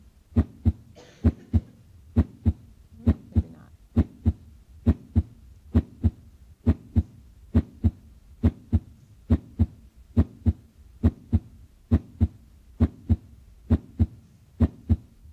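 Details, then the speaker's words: Steady paired lub-dub beats at about 67 a minute, crisp first and second sounds with quiet gaps: normal heart sounds, S1 as AV valves close, S2 as semilunar valves close. "the semi lunar valves at the base of the aortic aorta and the pulmonary artery um are a little differently shaped and you'll see it in this animation and they just have a a tighter closing sound it's a dup"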